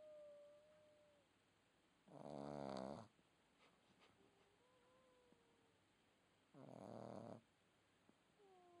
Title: Red Boston Terrier Puppy Snoring